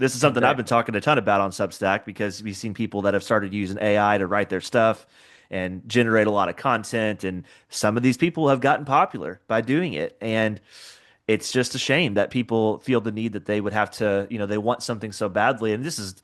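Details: Adult male speaker; normal speech.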